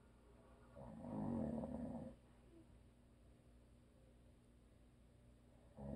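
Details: Low, rumbling snores on inhalation with a quiet pause between breaths, from a sleeping husband who habitually snores; audio only.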